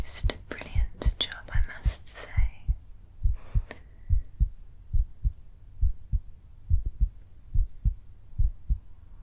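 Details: Real heartbeat through a stethoscope in a simulated ASMR home cardiology exam, patient taking long, slow, deep breaths: regular heartbeat.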